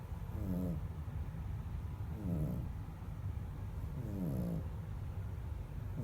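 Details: Archie, a male, asleep: soft, low rumbling snores about every two seconds, each with a rising whistle-like note, over steady background hum; snoring.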